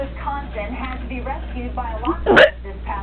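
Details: Person with ongoing hiccups that will not stop despite scare attempts: a single sharp, abrupt hiccup over background television talk; hiccups.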